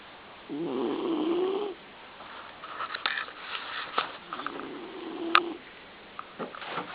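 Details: Happy, a 17-year-old smooth-haired black-and-tan Dachshund weighing 12-13 pounds, sleeping and snoring in his new Mickey Mouse bed.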